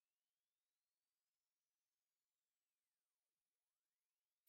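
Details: Tinnitus pitch-matching sweep for tonal tinnitus: a very soft, high-pitched pure tone glides steadily upward over faint hiss, with a digital indicator per tone, meant for headphones or speakers at controlled volume.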